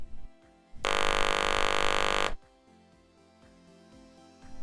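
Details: Electrolarynx after foam ring replacement in the sound head cap: steady, clear mechanical buzz lasting about one and a half seconds over soft background music, typical of a properly working device.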